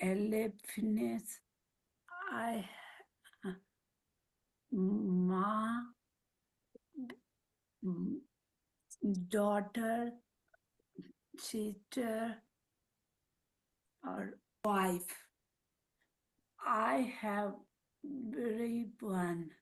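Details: Woman with aphasia and apraxia of speech after a stroke; speaks Marathi, Hindi and English, with words coming out mixed; aphasia with apraxia of speech.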